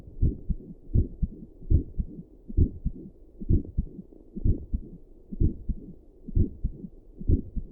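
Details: Own resting heartbeat while sitting at a desk, recorded with combined doppler and stethoscope audio, with a visible neck pulse: steady, muffled low thumps at about 65 beats a minute; normal heartbeat.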